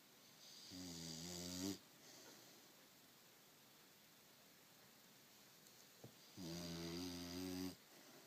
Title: snoring